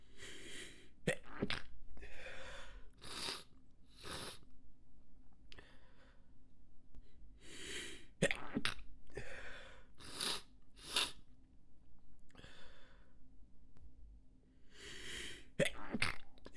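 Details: Repeated muffled, suppressed sneezes with short puffs of air through the nose over several seconds; stifled sneezes.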